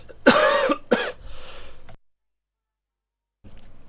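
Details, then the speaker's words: Adult radio host coughing for no known reason during a live broadcast: two sharp cough bursts followed by a short breathy trailing sound. "I don't know why I'm coughing, but it's apparently happening."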